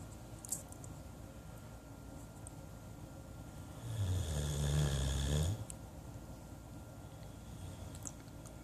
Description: Nothing like a Great Dane snoring away to make you laugh.